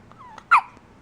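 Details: A dog with ongoing hiccups: one brief, sharp hiccup with a small squeaky catch in the voice.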